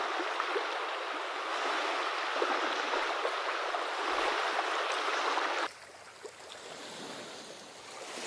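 Steady rushing ocean-like surf noise, then an abrupt switch to a quieter, softer wash: hearing aid ocean sounds used for tinnitus masking.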